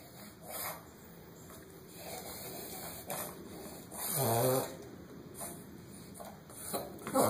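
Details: Dog with a terrible cough and difficulty catching her breath: harsh, snorting breaths with short rough bursts and one honking, voiced cough-like sound, then straining again; cough with labored breathing.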